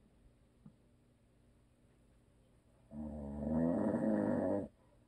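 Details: Husband who always snores, recorded for ASMR with no video: one long, loud, rumbling snore on an in-breath, then quiet; habitual snoring.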